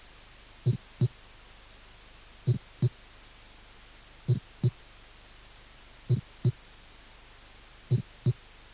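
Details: Aortic ejection click, a teaching recording from a cardiac auscultation course.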